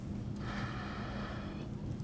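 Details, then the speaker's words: Forced exhalation into a peak flow meter tube after maximal deep breath, blowing as hard and long as possible: single hard sustained rushing blow of air; peak flow test demonstration. "you're gonna take a deep breaths deep as you can and you're gonna blow into the end of this tube as long and as hard as you possibly can"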